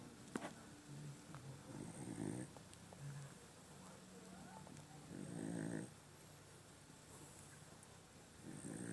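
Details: Dog that snores loudly: snoring.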